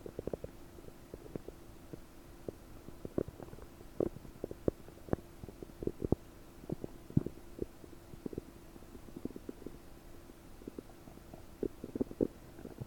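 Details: Adult abdomen recorded with a desktop microphone about 9 hours after first eating 30 prunes: frequent bubbling clicks and gurgles over a steady hum, bloated; increased bowel sounds.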